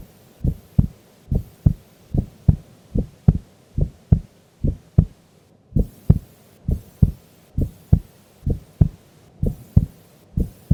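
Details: Sleeping female during an afternoon nap: steady, regular heartbeat at about 125 beats a minute with clear paired low first and second sounds; normal heart sounds.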